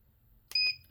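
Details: Single short, high electronic beep from a 1 MHz/3 MHz ultrasound therapy machine (LW-007A) as the power is set to high (low, medium, high options), in a quiet room.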